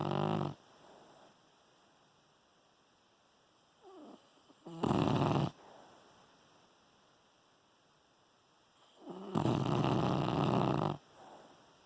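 Two long, loud, rough snoring breaths about five seconds apart, with soft whimpering sounds between them, from a sleeping dog.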